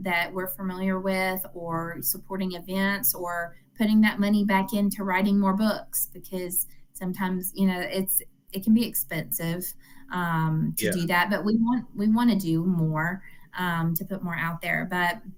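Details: Adult woman speaking; normal speech.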